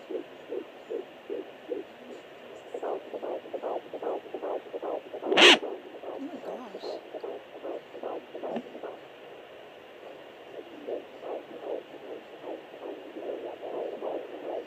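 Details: Rapid, regular whooshing fetal heartbeat at 13 weeks 6 days of pregnancy on a pocket fetal Doppler, hand-counted at about 154 beats a minute, a normal rate; the Doppler's displayed rate was inaccurate.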